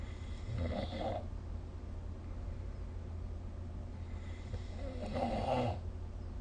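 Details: Snoring recorded during sleep with the SnoreLab app: two loud, rough rattling snores on breathing in, about five seconds apart, over a steady low room hum.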